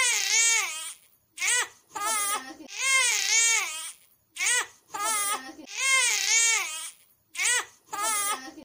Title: Lil baby cry 😭 #baby #babygirl #shortsvideo